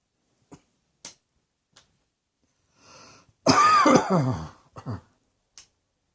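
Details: Faint clicks and a breath, then one loud, harsh, voiced cough burst and two short follow-up coughs in a quiet small room; an ordinary cough.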